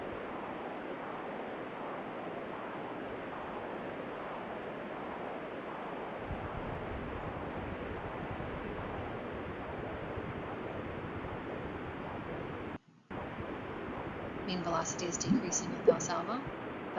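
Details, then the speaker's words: Transcranial Doppler bubble study during release of a Valsalva manoeuvre: steady pulsing Doppler whoosh, then a burst of sharp chirps and pops as microbubbles pass, marking a grade 5 (Spencer) right-to-left shunt. "Here is a TCD bubble study being performed. This is a grade five shunt. And you'll watch as the patient releases valva is when the bubbles will be pushed through."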